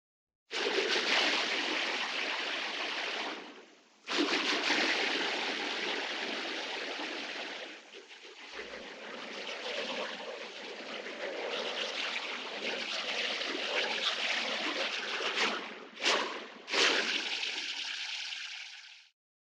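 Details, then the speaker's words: Simulated music as heard through a cochlear implant: hissy, rushing noise with a loose rhythm and no clear melody or bass, compared with music as normal-hearing people hear it. "인공와우를 통해 들리는 소리와 음악이 어떤지 한번 영상으로 확인해 볼까요 청인이 듣는 음악 소리는 [음악] 인공와우로 듣는 음악 소리는"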